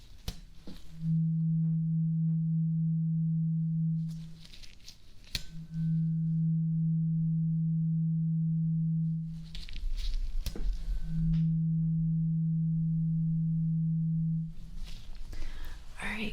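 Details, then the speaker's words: Acted ASMR ear-exam roleplay hearing test: three sustained low ringing tuning fork tones, each lasting a few seconds, while the listener is asked to close their eyes and say which side they hear it. "So I have a tuning fork. Okay. So I want you to close your eyes and tell me what side you hear the tuning fork, okay?"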